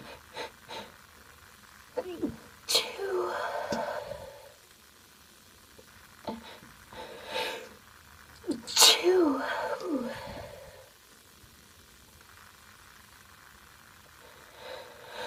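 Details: Sneezing, female: two loud sneezes, each an in-drawn breath then a sharp explosive burst, in a quiet room.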